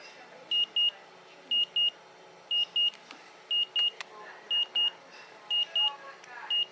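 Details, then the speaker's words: Neulasta Onpro on-body injector, applied after chemotherapy to raise blood counts, starts dispensing: paired high beeps repeating about once a second over quiet room noise; patient reports it wasn't bad. "the worst is the unknown is coming oh nothing yet here goes beeping it's beeping"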